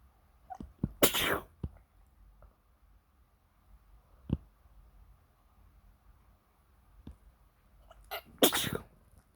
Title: just normal sneezing (supporting link in the description)